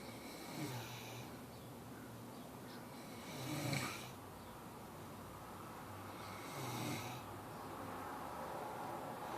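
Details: Three soft, rumbling snores about three seconds apart, roughly 19 a minute, over steady room hiss; ordinary snoring.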